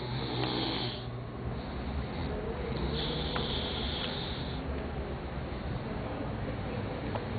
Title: Snoring Men